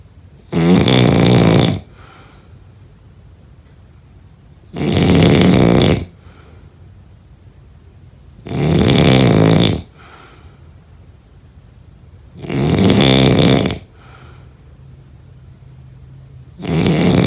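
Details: Loud, regular rumbling snores on each breath, about 15 a minute, with quiet pauses between: heavy snoring during sleep.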